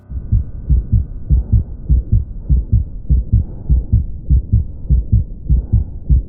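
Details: Child's heart, regular at about 100 a minute, with a harsh, rumbling murmur filling the gap between beats: ventricular septal defect murmur.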